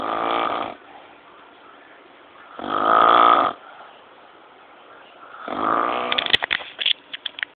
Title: snOring mOnSter